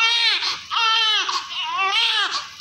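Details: Loud, strong rhythmic crying in repeated bursts: a vigorous normal cry from a newborn girl delivered vaginally, Apgar 7, active, with vernix, during cleaning with baby oil after coming from the labour room.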